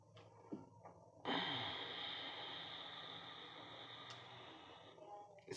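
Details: Demonstration of a metered-dose inhaler: shaken, breath emptied, neck straight, mouthpiece gripped between teeth and lips. A sharp puff, then a long steady hissing inhalation of about four seconds; correct slow, deep inhalation.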